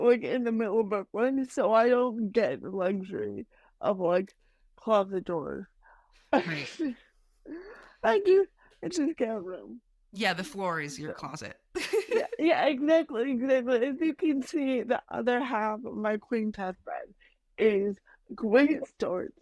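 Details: Adult woman with mild cerebral palsy, which she says mainly affects her speech and motor skills, speaking in a real podcast interview; dysarthria (cerebral palsy).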